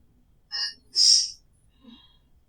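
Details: Female English teacher having a sneezing fit: a quick intake of breath, then a single sharp, hissing sneeze.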